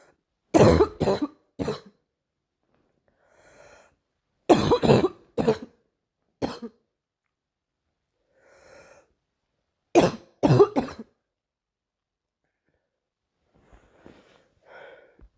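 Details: Girl coughing: three bouts of two to three dry coughs each, separated by quiet breaths; plain repeated cough.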